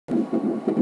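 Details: Rapid, rhythmic whooshing pulses of a normal fast fetal heartbeat on ultrasound in an IVF pregnancy.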